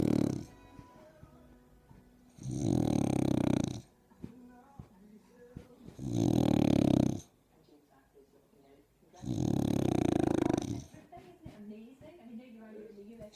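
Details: French bulldog snoring loudly while sunbathing: three loud, rough snores on the in-breath about every 3.5 seconds, with quieter snuffling breaths between them.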